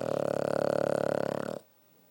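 One long, buzzing, vibrating snore lasting about a second and a half, then quiet.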